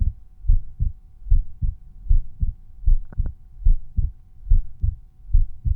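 Regular low thumps at about 76 beats a minute, heard at Erb's point; normal resting heart sounds.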